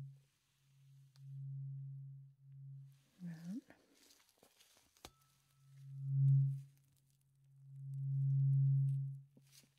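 Steady low humming tones from a struck tuning fork, fading and restruck, with faint handling noises between; an acted hearing check.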